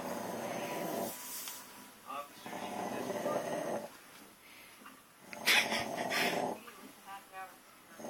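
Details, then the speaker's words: Sleeping dog snoring loudly under a growing pile of blankets: rasping, rhythmic snores at about 22 a minute, muffled at times by rustling covers. "and we're gonna see how many blankets it takes to muffle his snoring."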